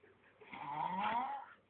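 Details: Sleeping man with a goatee snoring: a single rough, rattling snore on inhalation lasting about a second.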